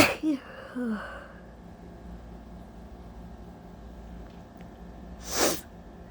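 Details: Allergy sneezing on a very hot day: two sneezes, one at the start and one near the end, separated by quiet room noise; sneezing.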